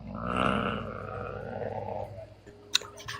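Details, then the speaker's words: One long, rough, rumbling snore heard over a phone call line during a conversation, followed by a brief click: snoring. "I know somebody ain't snoring on this damn line."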